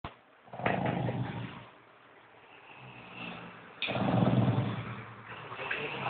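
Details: Two loud, rough, low-pitched rattling snores on the in-breath from a sleeping person, with quieter breathing between them: snoring.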